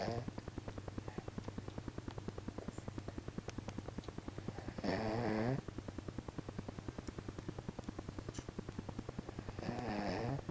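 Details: Two snoring breaths under a steady mechanical hum.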